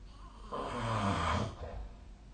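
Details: Adult snoring during sleep, recorded with a snoring app: one rumbling snore of about a second on the in-breath over quiet room noise.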